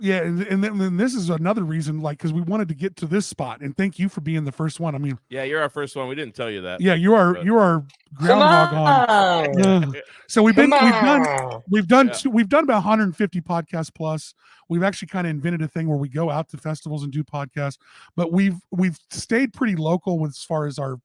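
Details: Adult male speakers in a podcast conversation; ordinary conversational speech.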